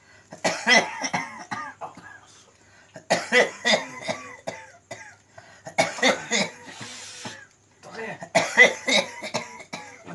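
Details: Man with a cough lasting over two years, with no disease found despite medical treatment: repeated bursts of harsh, throaty coughing and throat clearing in clusters with brief pauses; chronic cough.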